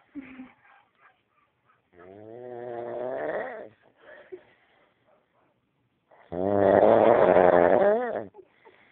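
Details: Adult man snoring during sleep: two long, loud, rattling snores on breathing in, with quiet pauses between them; heavy snoring.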